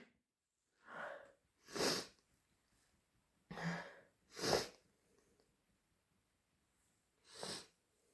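A run of forceful sneezes, five bursts within about eight seconds, each with a sharp explosive release: a sneezing fit.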